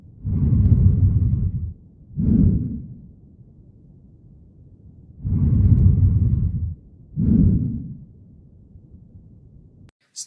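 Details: Breath sounds from critical care auscultation teaching: rhonchi, low-pitched, coarse, snoring-like sounds over two breaths, often caused by airway secretions and may clear with coughing.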